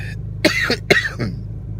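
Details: A quick run of three or four harsh coughs from an adult who is still sick with a lingering cough, over a steady low vehicle hum.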